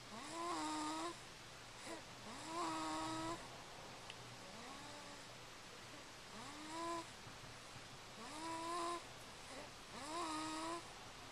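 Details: Repeated short, whistling, rising snores, about six over eleven seconds, with a steady background hum; snoring recorded on a Flip Video camcorder.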